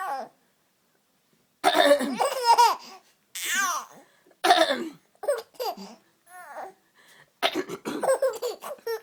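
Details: A mother gives a few short dry coughs, and after each one her baby bursts into giggling laughter in a small quiet room.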